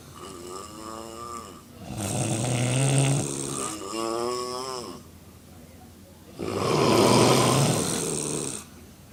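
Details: Four women snoring after drinking, in a hotel room: loud, rough snoring from more than one sleeper, rattling breaths about 14 a minute, overlapping.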